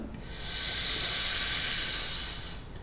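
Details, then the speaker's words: Demonstration of a pressurized metered-dose inhaler with a large-volume spacer: shake, uncap, attach, fire into the mouth, then one long steady airy hiss of about 2.5 seconds as a slow deep inhalation, followed by a breath-hold to a count of ten. "colocar na boca disparado e faz uma inspiração lenta e profunda"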